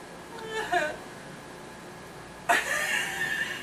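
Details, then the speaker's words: Hiccups in an adult whose hiccups keep changing type: two short, squeaky voiced bursts in a quiet room, the second starting abruptly, with a seal-like yelp. "They keep switching. You see that? I just had like what, 4 different types of hiccups."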